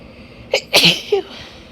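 A short, sharp sneeze with a quick indrawn breath before it and a brief voiced tail after, in a quiet room.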